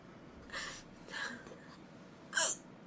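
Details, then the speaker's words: Three short, abrupt, catching hiccups within about three seconds, the last loudest, from a live streamer having strong hiccups along with sneezes: hiccups. "딸꾹질 너무 세게 하시는데 복근 운동 되건데."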